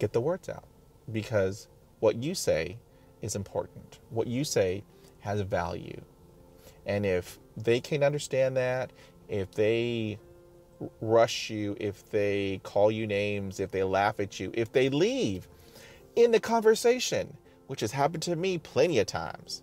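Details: Adult man who stutters, self-recorded, describing blocks; sound and part-word repetitions; stuttering.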